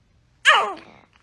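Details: A single short, high-pitched sneeze from a baby, with adults saying "bless you" nearby.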